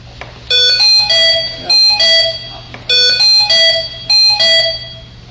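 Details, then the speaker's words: Ventilator alarm in a simulated trauma scenario: loud repeating bright multi-tone chimes over a low hum from a patient-side disconnection. The intubated patient has a lung injury and is on lung-protective mode, with end-tidal 38 and SpO2 95–96%. "We got him in protective mode. It's going to alarm. It's got a disconnection on the patient side."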